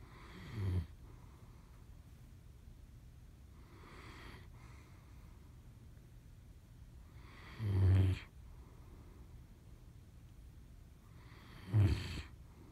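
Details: Dog snoring: soft, deep snorting snores every four seconds or so, about 15 breaths a minute, with quiet breathing between them.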